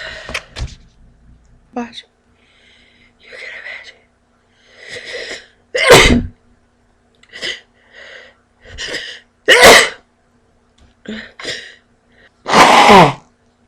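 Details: Woman sneezes repeatedly while trying to read aloud, with several loud sneezes and softer, partly stifled ones between sharp inhalations.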